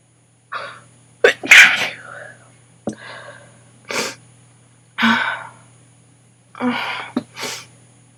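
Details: Sneezing attack in a person whose nose and throat hurt badly: a run of sneezes with gasping buildups between them; a sneezing fit.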